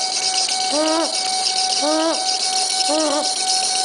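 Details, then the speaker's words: Infant in the ER with severe croup (acute laryngotracheobronchitis), upper airway obstruction with suprasternal and subcostal retractions, held by caregiver during nebulization: harsh inspiratory stridor. "so this file has severe Strider because of the upper Airway obstruction and you can hear the quality of the Strider which is quite harsh so this is a typical altb Strider"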